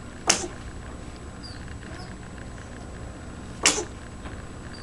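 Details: Two short, sharp hissing bursts a few seconds apart in a quiet room: small sneezes.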